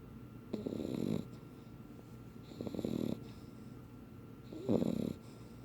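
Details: Sleeping puppy, described as a beagle pup and as a red tick, snoring with soft fluttering snores, about three in six seconds, with quiet pauses between.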